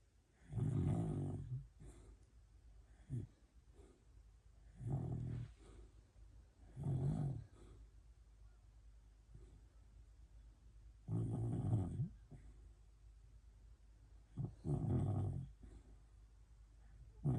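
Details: Sleeping poodle puppy: soft, low snuffling snores repeating at a slow, uneven pace in a quiet room; normal snoring.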